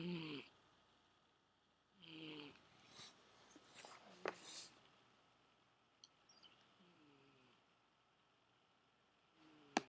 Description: My cat snoring!